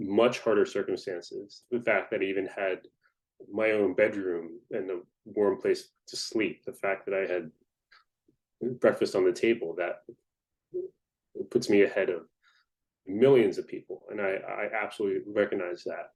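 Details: Adult man who describes himself as a person who stutters, speaking in a podcast interview; stuttering.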